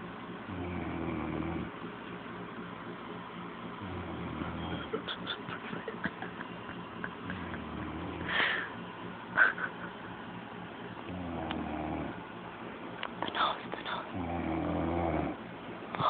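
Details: Low rumbling snores recur every few seconds under quieter breathing and faint room noise: ordinary snoring.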